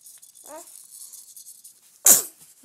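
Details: Infant sneezing while in a rocker, recorded 13 October 2012: a small vocal sound, then a single sharp, explosive sneeze, with quiet room hiss behind.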